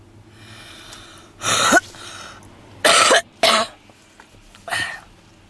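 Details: Four harsh, forceful smoker's cough bursts with wheezing from a young redheaded woman smoking a cigarette inside a car, a small enclosed space.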